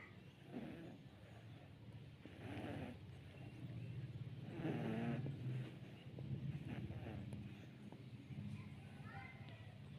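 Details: Sleeping cat snoring: soft, low rattling snores with each breath, about 28 a minute, over faint room noise.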